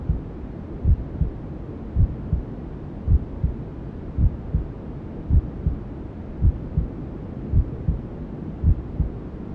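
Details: Newborn sleep-aid ASMR: steady muffled double thumps, about 54 a minute, under constant hushing white noise, like a mother's heartbeat heard from the womb; maternal heartbeat, womb sounds.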